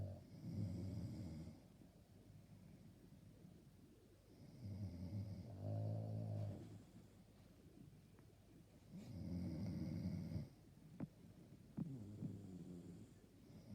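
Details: Low, rumbling snores with each breath, about four in fourteen seconds, keeping a listener awake; a slow sleeping rhythm of snoring.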